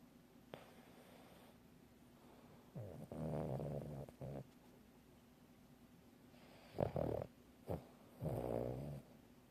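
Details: Two slow, rattling breaths during sleep, each drawn in with a low vibrating snore and followed by a softer breath out: snoring.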